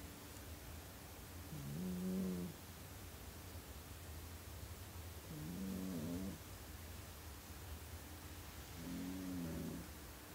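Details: Sleep snoring in cats: three soft, whistling, nasal snores on the in-breath, about 17 breaths a minute, over steady low room hum.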